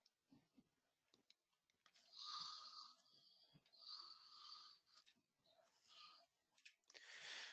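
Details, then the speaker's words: Faint, thin, hissing snores in short bursts separated by quiet gaps, played as an example of snoring in obstructive sleep apnea; bed partners may witness loud snoring, gasping and breathing pauses. "hunting buddy might witness loud snoring gasping breaths pauses breathing restlessness restless sleep"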